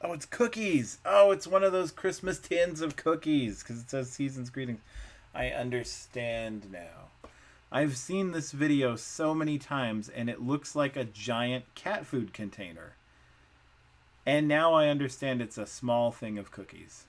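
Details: Adult male speaker; Normal speech.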